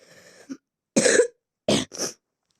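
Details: Cough from a child who has just fallen ill: three short, dry cough bursts after a brief throat sound, in an otherwise quiet room.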